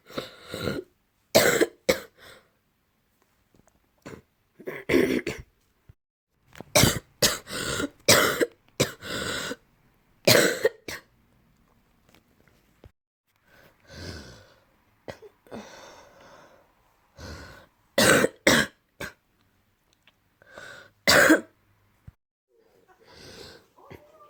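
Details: Repeated bouts of loose, wet coughs with throat clearing and snorting, a productive cough with phlegm in the throat.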